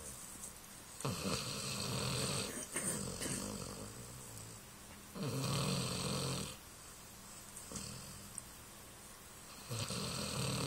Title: Daisy is snoring !!